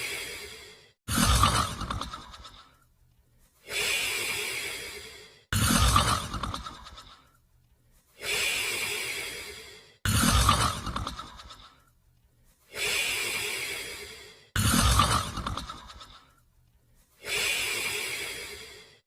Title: Border Collie & Australian Shepherd Sleeping & Snoring